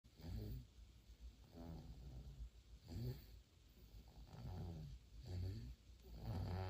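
Soft, low, rhythmic snorting breaths from a sleeping infant, roughly every one to two seconds; snoring.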